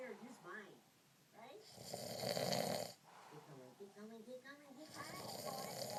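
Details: Adult man snoring, keeping his partner awake, though he says it's not bad: loud, rough breathing-in noises recurring between quieter breaths, with some background talk.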